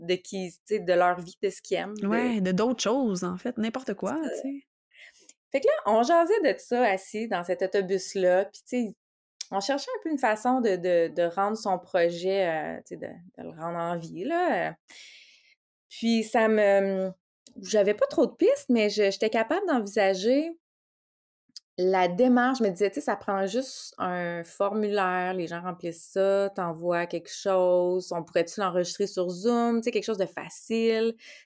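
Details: Adult woman, a speech-language pathologist who stutters, speaking conversationally in Quebec French; stuttering.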